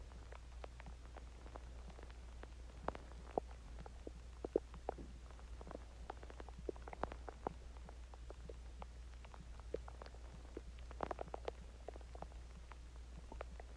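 Quiet scattered pops and crackly gurgles over a steady low hum: faint stomach growling after a meal.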